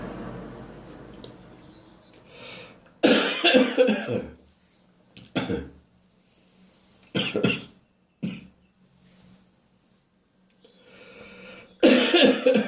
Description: I've caught a Spring upper respiratory infection with has given me a sore throat for several days and is now developing into a head cold and a sharp staccato barking cough.